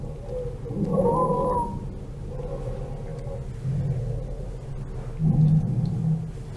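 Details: Child's asthma attack on a virtual pediatric auscultation simulator, with household mite sensitization, bronchodilator therapy prescribed: expiratory wheezing.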